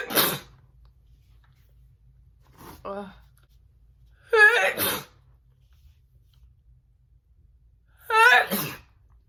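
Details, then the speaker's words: A woman makes deliberate messy sneezes for a requested video: three forceful sneezes, two with a rising voiced 'ah' before the burst and a short voiced sound between them, in a quiet room. "today it's a personalized video and they requested messy sneezing that's what i believe it was um so that's what we're gonna be doing today"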